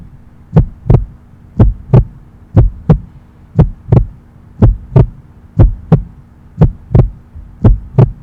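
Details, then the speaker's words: Normal first and second heart sounds (lub-dub), steady paired beats at about 60/min over a low background hum, no murmur. "Exactly लब dub ऐसे words में नहीं होता है वो, it is just perceived as those beats, लेकिन वो लब डब होता है जब आप इससे एडवांस टेक्नोलॉजी से सुनते हो।"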